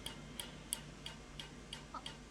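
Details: Sharp, evenly spaced ticking snaps, about three per second: a laser firing pulses on a man's skin to remove an old, poorly done tattoo.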